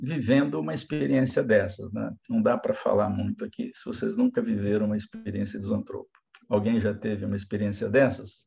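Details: Adult male speaker; ordinary speech.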